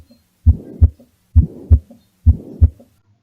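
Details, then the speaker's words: Systolic ejection murmur: regular heartbeat near 67/min, blowing sound between first and second heart sounds; at the right upper sternal border it would indicate aortic stenosis, at the left upper sternal border pulmonary stenosis. "so you hear the first heart sound before the blowing sound then the second heart sound so when you hear this murmur located at the right upper sternal border it is aortic stenosis"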